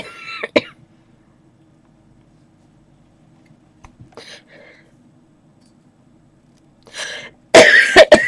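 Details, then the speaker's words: Several short throat-clearing coughs from an adult in a quiet room, with pauses between; a coughing fit. "sorry I just having a coughing fit i'm back in a minute"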